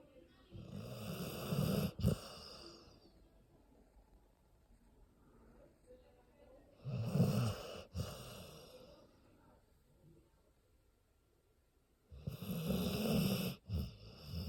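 Loud, rough snores on three slow breaths, with quiet pauses between them. Snoring in a sleeping dog.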